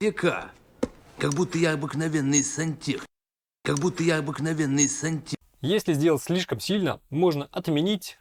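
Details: Artificial, exaggerated lisp made by over-processing a film voice clip with a DeEsser as a sound effect, not a real speech disorder; lisp (simulated).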